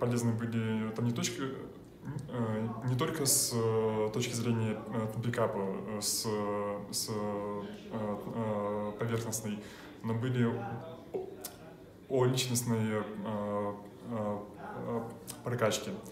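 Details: Adult man with severe stuttering; stuttering.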